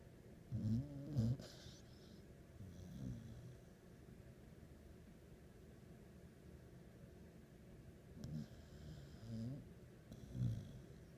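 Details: Low rumbling snores spaced a few seconds apart over quiet room noise, said to sound like a human snoring; ordinary snoring during sleep.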